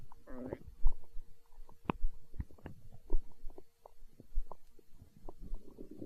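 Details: Stomach growling in hunger, tagged as empty-stomach sounds in an ASMR recording: gurgling, bubbling rumbles with squeaky bursts and scattered pops, ordinary borborygmi.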